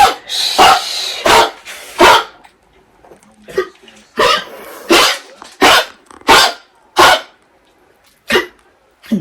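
Repeated harsh, honking coughs from a dog, about a dozen bursts in quick runs, consistent with kennel cough, an infectious airway inflammation.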